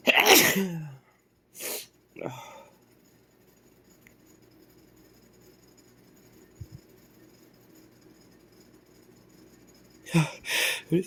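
A forceful sneeze with a sharp explosive burst, a short follow-up, then quiet and two more sneezes at the end; repeated sneezing.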